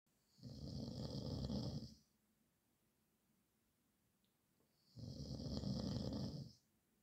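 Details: Loud, rough, rumbling snores with a hissy edge, each over a second long, separated by quiet pauses, about 13 breaths a minute; snoring.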